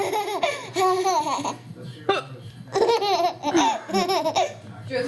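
A baby laughing in bursts, with short sharp catches of breath between them that fit hiccups.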